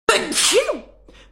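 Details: A girl gives a single sharp, explosive sneeze with a brief breath intake, then quiet.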